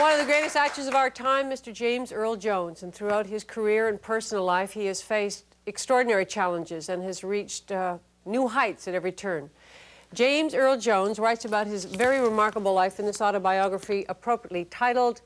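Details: Adult woman speaking; normal speech.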